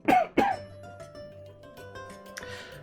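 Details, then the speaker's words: Two sharp cough bursts from an adult streamer who has a cold with sniffles, with steady background music. "also apologies for the coughs and the sniffles for obvious reasons"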